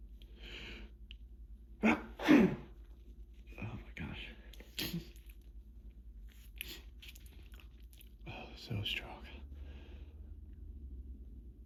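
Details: Hay fever sneezing fit in a person: two big forceful wet sneezes close together, then softer breathy sneezes and snuffles over a low hum, one of many repeated sneezes in a final exhausting bout, with a hand towel in use.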